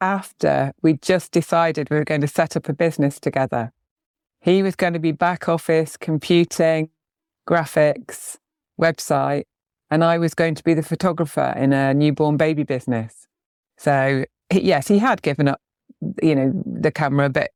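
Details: Adult woman speaking; no disorder.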